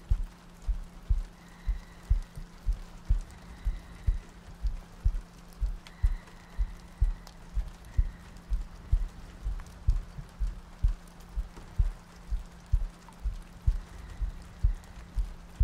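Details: ASMR sleep-aid roleplay of cuddling next to a girlfriend on a rainy night, a looped track with soft breathing: soft, steady low thumps at about 62 a minute under rain and a faint tone; a regular heartbeat.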